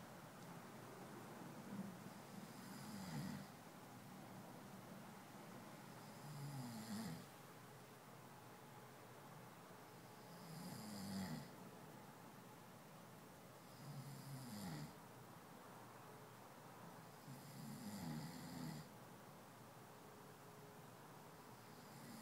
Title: My love snoring